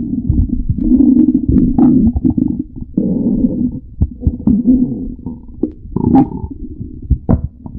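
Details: Stomach growling (borborygmi): loud, drawn-out low gurgling and groaning rumbles with bubbly pops, typical of gas and fluid moving through the gut.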